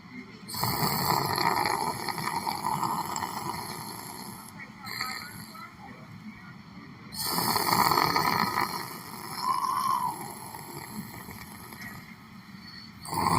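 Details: Snoring from a person sleeping sitting in a chair in a library: loud, rough breathing noises recur in long cycles, with room noise behind them.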